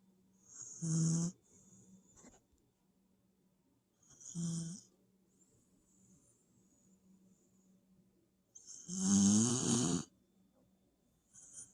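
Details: Snoring in a sleeping dog (tagged puppy): three loud, rattling inspiratory snores in about 12 seconds, with quieter breathing between.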